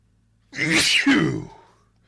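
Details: Allergy-related sneezing fit: one sharp, explosive, hissing sneeze after a quick intake of breath.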